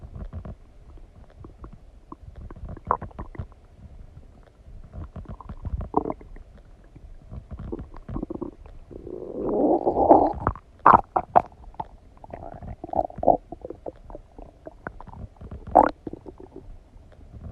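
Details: Stomach noises after eating donuts: irregular gurgles, squeaks and rumbles with a louder rolling gurgle midway; bowel sounds (borborygmi).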